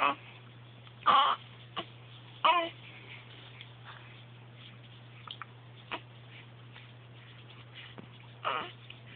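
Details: 8-week-old infant with hiccups: short, sudden catchy sounds recurring every few seconds over a steady background hum.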